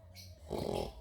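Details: Sleeping adult (uncle) snoring beside a baby: a single loud, rough, low snoring breath, with a faint hum beforehand.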